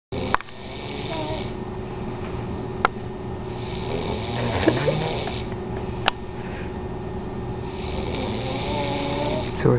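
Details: Long, droning snore with a whistling, humming quality and a few sharp clicks in a quiet room; unusual-sounding snoring from a sleeping male, which stopped suddenly.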